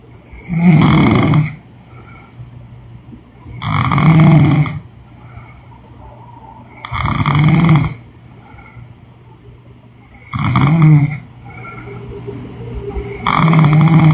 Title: Women snoring noise💤